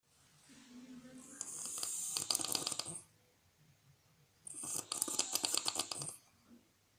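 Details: A person snoring: two loud, rattling, fluttering snores on breathing in, with quiet breaths out between them; typical snoring.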